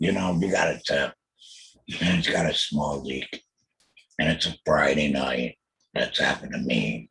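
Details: Alaryngeal speech from a laryngectomee after a total laryngectomy for throat cancer diagnosed in 2020, followed by chemotherapy and radiation.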